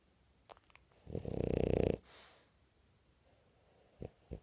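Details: French bulldog, a flat-faced dog, snoring while awake: a loud, rattling, snorting inward breath, then a soft breath out and short snuffles; noisy upper airway.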